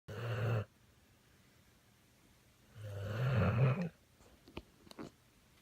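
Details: American Bully pit dog snoring, said to sound like a little man: two loud, rattling low snores on breathing in, separated by a quiet pause, then a few soft snuffles.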